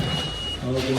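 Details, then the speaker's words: Neonatal ventilator being tested at a neonatal resuscitation workshop before oxygen is pumped: a steady high electronic tone over a low mechanical hum; ventilator/oxygen device sound. "ventilator. Yes. So we need to have 10 babies on oxygen, and that will be the sound of the time."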